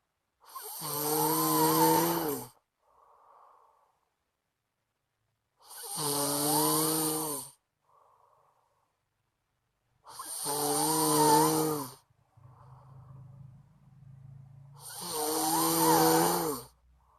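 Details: Loud, rattling snores on each in-breath, about 13 a minute, with quiet out-breaths between, from a sleeping friend; heavy snoring during sleep.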